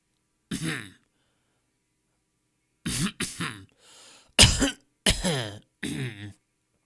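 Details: Stock audio of people coughing in different styles: a single cough, a pause, then a run of five more coughs of varying force and pitch, some throat-clearing in quality.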